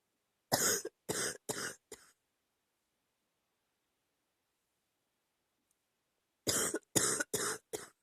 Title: #39 a lil chesty cough